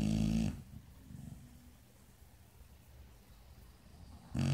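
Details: Dog Max in deep sleep snoring: a loud, low, rattling snore at the start and again at the end, with a quiet pause between.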